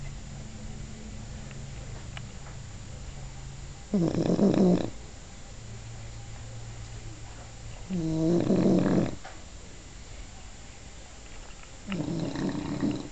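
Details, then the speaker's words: English bulldog snoring while awake: loud, rattling snores on each breath in, about 15 a minute, with quiet breathing between them. "you're awake while you snoring like the Predator"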